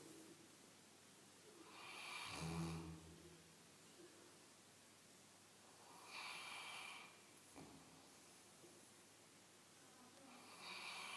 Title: Snoring St. Bernard